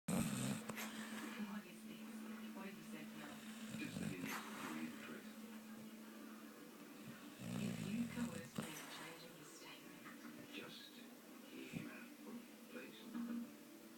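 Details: Irregular nasal snoring from a dog lying on a sofa, with snorts and whistly breaths repeating over several seconds and some room noise.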